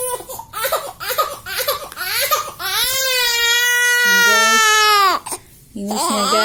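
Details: Infant crying loudly: short sobbing bursts building into a long sustained wail, then a breath and another cry.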